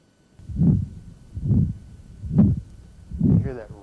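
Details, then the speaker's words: Regular heartbeat near 68/min with a harsh, rough mid-systolic murmur, likened to furniture dragged across the floor, in a man with calcific aortic valve stenosis; heard with diaphragm, radiating outward, quieter than at the right upper sternal border. "quality to it it's almost like somebody's dragging furniture across the floor we can still hear the murmur it's not as loud as it was at the right upper sternal border"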